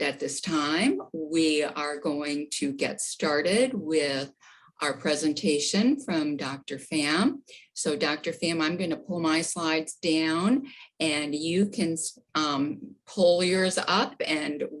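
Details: Adult speaker; Normal voice.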